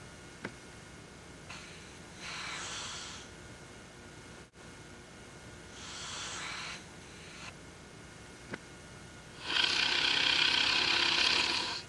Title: Big One Snoring